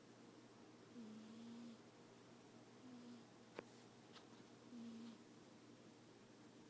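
Soft, low buzzing breaths with pauses between them: quiet snoring from a sleeping cat, harmless.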